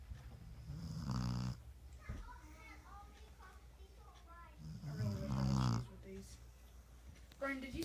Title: Snoring dogg